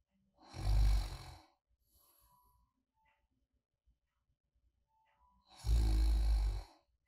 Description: 평소에 코를 골지 않는 사람이라도 아주 깊은 수면 중에는 가벼운 코골이 소리가 날 수 있습니다.